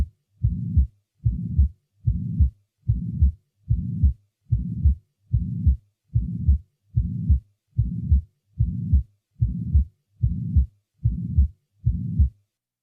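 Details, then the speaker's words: Pansystolic (holosystolic) murmur of even intensity lasting from the first to the second heart sound, with a regular heartbeat near 73 a minute; causes named are mitral regurgitation, tricuspid regurgitation and ventricular septal defect. "the murmur is continuous throughout systole the following recording will introduce a pan-systolic murmur having an even intensity throughout"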